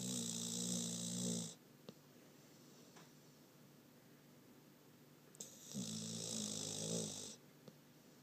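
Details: Foster dog snoring while sleeping with her eyes open: two long, loud buzzing snores with a quiet pause between, over faint room noise; snoring.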